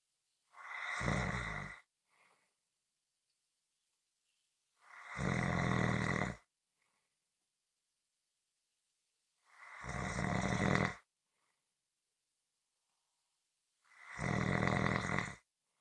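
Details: Four long, rasping inspiratory snores, about 15 a minute, with silence between breaths; snoring.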